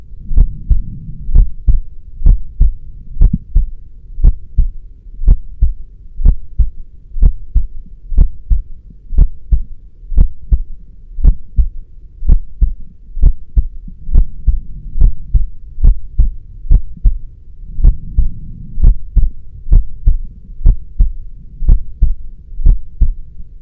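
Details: Steady, deep lub-dub normal heartbeat at about 62 beats a minute, with a soft low hum underneath.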